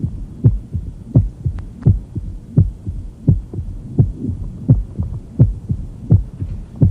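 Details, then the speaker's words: Tumor plop: a dull, low-frequency extra thump in each cycle, heard best with the bell, regular rhythm near 85 beats a minute. "know the nut low frequency of the sound it's kind of a thump"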